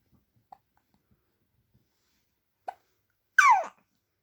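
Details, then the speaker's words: Infant nearly three months old with hiccups: two soft, abrupt hiccup sounds followed by a short high squeal; ordinary infant hiccups. "Is that a struggle with hiccup?"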